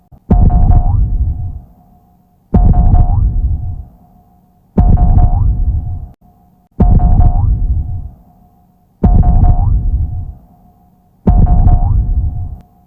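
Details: Simulated heartbeat, a dramatized anime sound effect of a character's heartbeat (Luffy, Gear 5): slow, booming, drum-like thumps, about 27 a minute, each trailing off over a steady hum.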